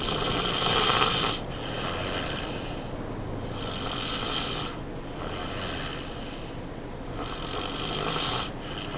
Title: Me Snoring with a boner